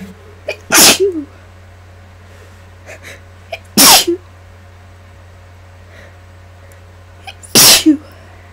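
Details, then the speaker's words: Self-induced sneezes from a person sick with flu for 8 days, still congested and nearly voiceless, mic gain turned up: three loud explosive sneezes, each after a sharp intake, roughly 3–4 seconds apart, over steady hum. "so my sneezers are going to kind of maybe sound a little softer than this and um the air pitch will be lower I think maybe"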